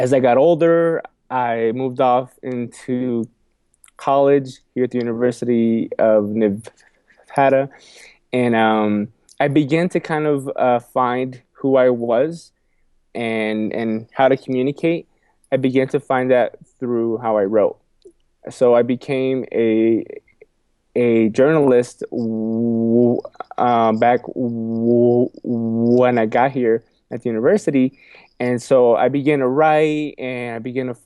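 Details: Adult man who has stuttered all his life, repeating a phrase and words several times and saying 'excuse me'; stuttering.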